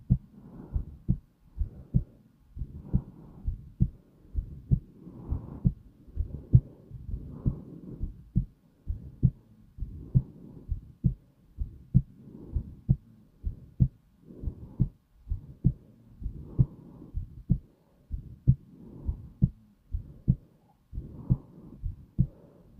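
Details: Slow, calm heartbeat: steady thumps at roughly 66 beats a minute, with a soft whoosh between beats.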